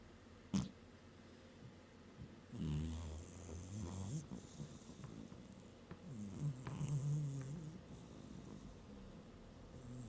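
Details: Cat napping on a work desk, snoring: soft, low rumbling snores about 15 breaths a minute over quiet room noise.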